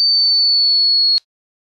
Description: somepeople cant hear the whistleing